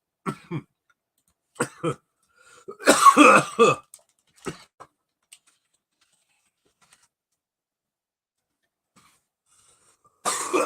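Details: Adult coughing right after dabbing cannabis concentrate: a run of about eight irregular, harsh coughs and throat clears, then quiet and one more cough.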